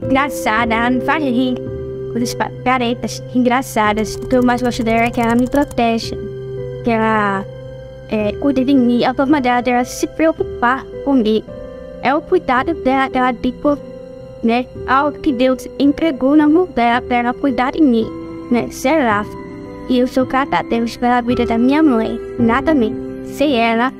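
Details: Woman born hearing impaired, oralized deaf, who did not speak until almost age five and still has difficulty speaking; deaf speech.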